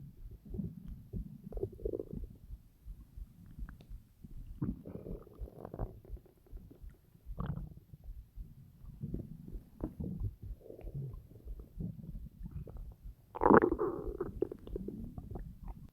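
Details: Hunger stomach growling (borborygmi) while lying on the side, half on top of the belly, after waking hungry: repeated low gurgling, churning rumbles with a few louder squeaky growls.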